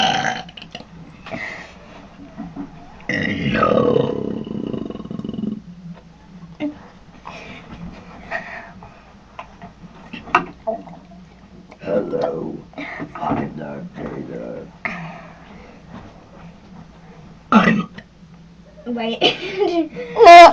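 Several long, low, rumbling belches in a small room, with short pauses and soft noises between them.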